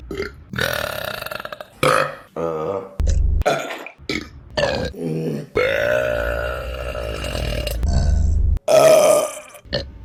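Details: Compilation of deliberate female burping: a rapid run of loud, long, deep voiced belches, one after another, in a small room.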